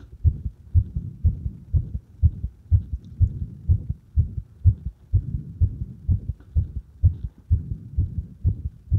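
Regular heartbeat at about 125 a minute, heard at the apex with firm stethoscope pressure; ordinary heart sounds.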